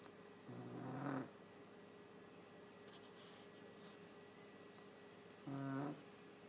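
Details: Sleeping pug snoring: two slow, buzzing snorts about five seconds apart over quiet room noise.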